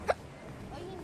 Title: HICCUP ATTACK